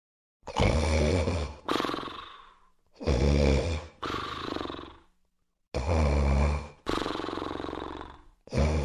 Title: Animation - Obstructive Sleep Apnoea (Snoring)